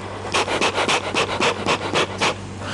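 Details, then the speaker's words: Quick shallow hurried breaths, about eight in two seconds, an adult acting as a child breathing through a spacer after one spray: incorrect inhaler technique, breaths should be deep and slow. "so I'm in a hurry yes it needs to be deep and slow"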